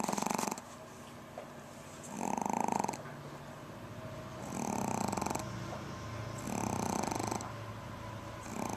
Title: Jazi the pom snoring